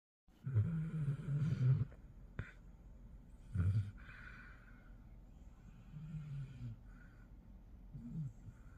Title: Snoring Basset Hound #basset #bassethound #dog